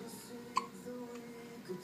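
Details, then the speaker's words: Newborn baby boy held while sleeping, giving a single sharp, brief hiccup over faint room noise; normal newborn hiccups. "Sorry. He's got the hiccups."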